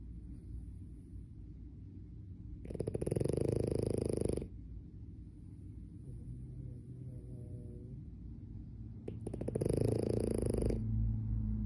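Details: French Bulldog snoring: loud rattling snores on inspiration, about two in ten seconds, with a soft whistle between.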